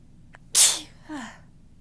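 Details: Morning sneeze with talking: a short breath in, then one soft, tickly, hissing sneeze with a brief voiced tail; nose described as completely blocked.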